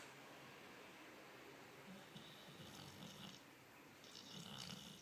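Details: Snoring in a sleeping dog, recorded May 2013: soft snuffling snores partly buried under a steady background hiss.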